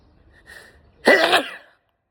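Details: A soft in-breath followed by one sharp, explosive sneeze, from a sneezing compilation.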